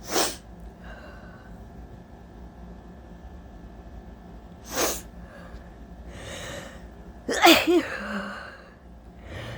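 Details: Allergy sneezing on a very hot day: three abrupt, explosive sneezes spaced several seconds apart, the last followed by a short voiced exhale.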